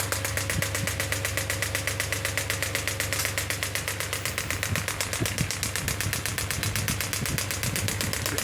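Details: Pneumatic radial extracorporeal shockwave therapy device, up to 10 bar, while frequency is being decreased: fast, steady mechanical knocking, about four pulses a second, as the probe fires.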